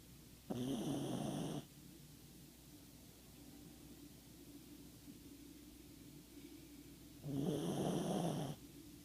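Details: Dog Ziggy fast asleep: two long, loud rattling snores, each over a second, separated by quieter breathing; snoring.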